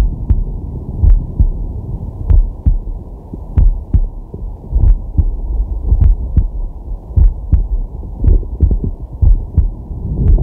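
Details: Resting adult male recorded with a digital stethoscope on his chest: steady, slow two-part lub-dub heartbeat with deep inhales and exhales swelling underneath; normal heart sounds.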